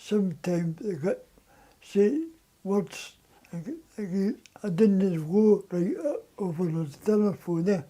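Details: Adult man with dysarthria from muscle incoordination and weakness causing slurred words, with receptive language and cognition intact; dysarthria.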